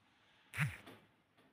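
A single short, low, rattling breath sound with a softer follow-on breath from a sleeping cat: snoring in a quiet room.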